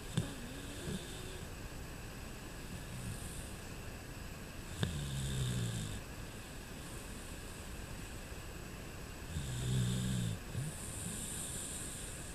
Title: Sir Snores Alot!